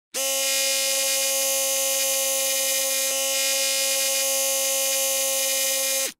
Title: Dentist Drill Free Sound Effect (Various Versions!)